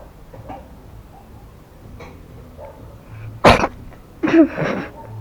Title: кот чихает, cat sneezes